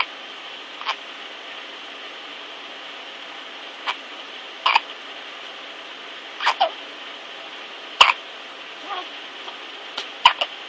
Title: Twin sisters hiccup war